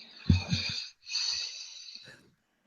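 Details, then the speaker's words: Recording of snoring from a 12-hour YouTube video, played in the background: two noisy breaths, a rough fluttering inhale then a long hissing exhale; snoring. "snoring yeah sounds like you're breathing heavy oh that's funny yeah that was snoring"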